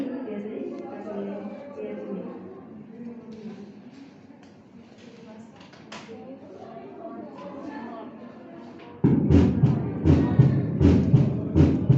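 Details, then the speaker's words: Auscultation demonstration at the cardiac apex (5th intercostal space): room talk, then loud, low thumps with a prominent first heart sound; normal heart sounds. "Nah, auskultasinya lihat kedengaran begini, ini yang normal nih ya."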